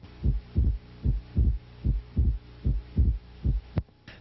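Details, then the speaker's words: Regular heartbeat at about 75 per minute with S2 heard as two close parts; normal physiologic split S2. "this occurs as a normal physiologic splitting of S2 with respirations the second component in increases with inspiration because of the changes in intrathoracic pressure"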